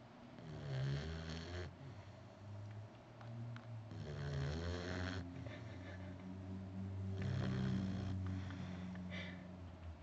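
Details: Female puppy snoring while asleep on the owner with her eyes open: a continuous low, rumbling snore with a steady fluttering buzz and louder swells; snoring.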